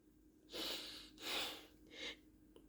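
Three noisy, hissing breaths drawn through the nose in a quiet room, heard as snorting or sniffing sounds.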